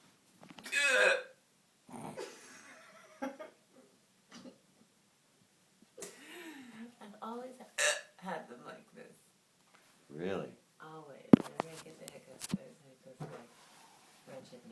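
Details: Incidental hiccups: brief, abrupt throaty catches interrupting quiet talk at irregular intervals.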